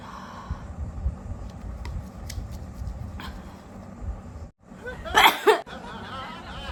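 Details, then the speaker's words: Noisy room, then a brief inhaled catch and one sharp, explosive sneeze from a woman during a sneezing challenge, after trying to induce sneezes with garam masala and cumin powder; her eyes are watering: sneezing. "तो guys बहुत ज्यादा ही हो गया है sneezing पता नहीं थोड़ा रुक रुक के आ रहा है"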